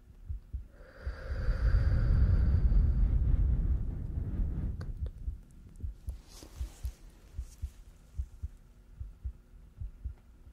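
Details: Stethoscope chest auscultation with deep breaths in and out, soft breath sound swelling and fading then regular low heart thumps, judged clear with normal breath sounds, in a simulated ASMR hospital exam.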